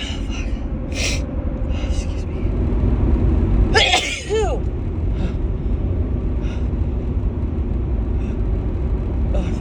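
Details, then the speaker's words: One sneeze with a sharp in-breath over steady car road rumble, from a woman with March allergy sneezes coming repeatedly in the car with a tickling nose; an allergy sneeze. "They just keep coming. Keep coming. Oh God, they just keep coming."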